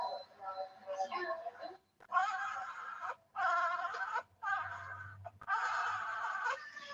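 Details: Newborn in a neonatal care unit: repeated short moaning grunts with each expiration, roughly one per breath at about 50 a minute, distinct from wheezing; expiratory grunting.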